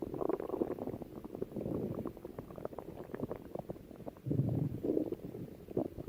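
Low rumbling and gurgling abdominal sounds, typical stomach growling from gas and fluid moving through the gut.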